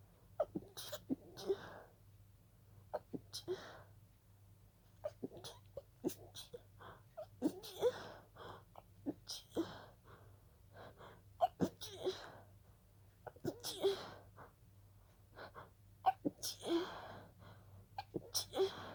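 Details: Repeated soft, breathy, held-back sneezes with quick catches of breath between them: a stifled sneezing fit that began with a pollen allergy.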